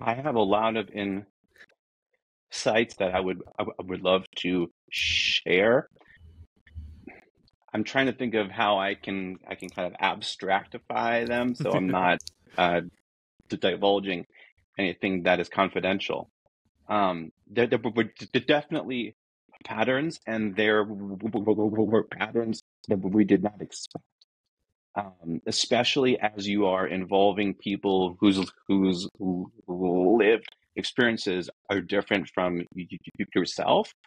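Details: Adult man who says he is a person who stutters and that his disfluencies are simply how he talks, not a recording glitch; stuttering.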